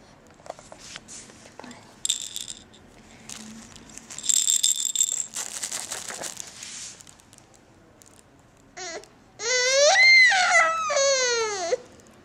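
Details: Baby girl doing tummy time, which she dislikes though it is getting better: a rattle toy shakes, then brief fussing and a rising, wavering infant cry.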